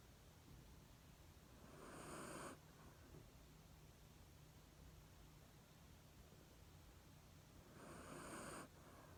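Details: Black Shiba Inu, recently moved to a new home, napping after being stroked: two soft, breathy snores about eight seconds apart against steady room hiss; gentle snoring.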